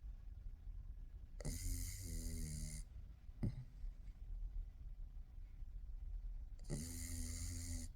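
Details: Pugs (dogs) sleeping: loud, rattling snores with a whistling, nasal edge and a short snort between them, over low room hum: snoring.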